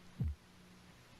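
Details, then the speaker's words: Blood pressure measurement with a stethoscope at the elbow as the cuff deflates: Korotkoff heartbeat sounds continue, then disappear at the diastolic point, about 102 mmHg (systolic about 160s mmHg). "now the pressures dropping you can hear the heartbeat you're listening now for when does the heartbeat disappear and that will be the diastolic pressure the low pressure and"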